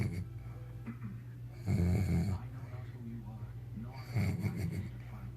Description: When my snoring boyfriend is really out I can pinch his nose and make some music/motor boating noise! Glad he still loves me after this crap